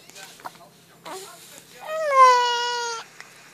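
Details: Infant with hiccups: a single clear, high-pitched cry after a few small vocal sounds, in a quiet room; an infant cry.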